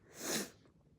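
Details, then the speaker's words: Young Japanese woman on a live stream, nose itching, repeatedly saying a sneeze is coming; she has allergy medicine and brings up hay fever: a single sharp, hissing sneeze, followed by quiet room noise. "やばい、くしゃみ出そうだ。くしゃみ出そう。くしゃみ出そう。なんか鼻がムズムズする。"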